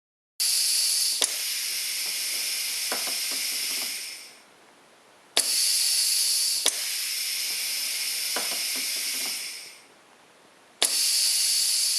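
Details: A compressed-air-only ventilator mock-up with no electronics, not a real ventilator, cycling about 11 times a minute: loud rhythmic airflow hiss lasting several seconds, then a pause, with clicks at each switch.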